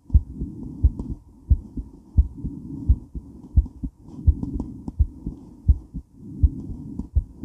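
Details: Woman's heart during and after weight training, recorded while moving: strong beats about 85–90 a minute with heavy breathing and rubbing movement noise; rapid heartbeat after exercise, normal.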